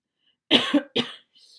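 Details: Two quick coughs in succession from an adult with lingering cough after COVID-19 infection (tested positive late April despite being triple vaccinated), now nearly a month later, described as long COVID, while talking; cough.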